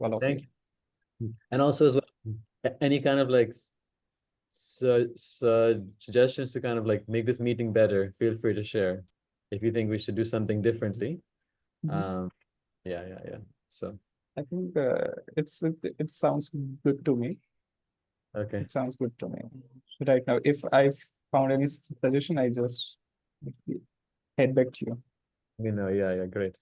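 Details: Man who stammers, in natural speech rather than voluntary stammering, with audible word repetitions; stuttering.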